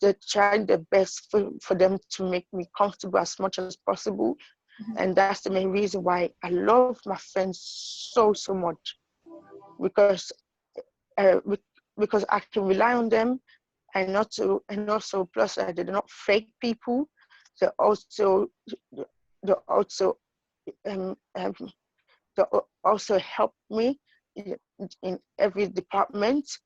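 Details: Adult woman with idiopathic intracranial hypertension and sight loss; acquired stuttering that she attributes to her condition, finding even easy words hard to say. Finding: acquired stuttering.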